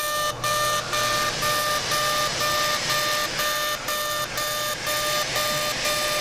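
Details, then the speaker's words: CO2 laser in fully ablative mode, 100 millijoules, density six, aggressive facial resurfacing done alongside a facelift, starting up the midline: steady high beeping broken by regular gaps, about two a second, over room noise. "to alter pulse laser we're using the fully ablative mode and we're going to do a pretty aggressive treatment here 100 millijoules and a density of six"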